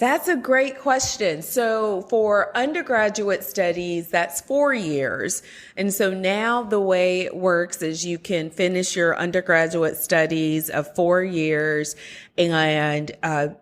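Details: Adult woman speaking; normal speech.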